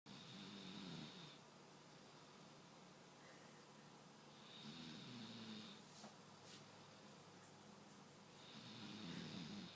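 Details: Regular, rough snoring on each breath, about three breaths in ten seconds, against steady room hiss; snoring.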